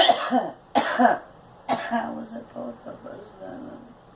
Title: Girl coughing